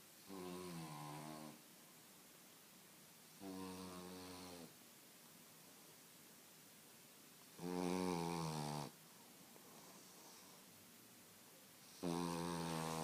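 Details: A sleeping 9-month-old French Bulldog snores with rough, buzzing, tonal sounds on each breath, about 14 per minute.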